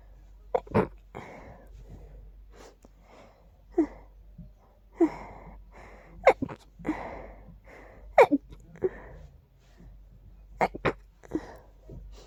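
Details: Sneezes put down to dust: a long run of quick, sharp sneezes, some with a wheezy catch, coming in bursts with sniffs between them; sneezing.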